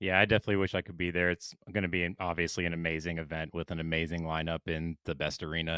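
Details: Adult man speaking; Normal voice.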